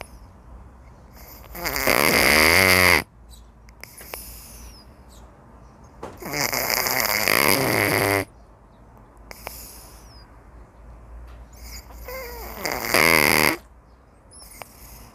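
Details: Three loud, buzzing inward snores, each about 1.5 seconds, with softer whistly outward breaths between, roughly 12 breaths a minute, from a cat napping leisurely; normal snoring.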